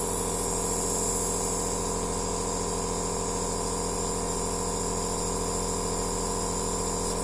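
Steady loud motor hum with a fast rhythmic pumping buzz and a hiss of spray: an aerosol nebulizer machine running.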